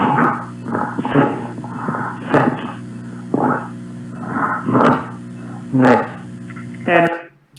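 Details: Patient with a tracheostomy: very strong (grade 3) breathiness and asthenia on GRBASI, plus hypernasality, wet and pasty voice, and a severe articulation disorder; breathy voice.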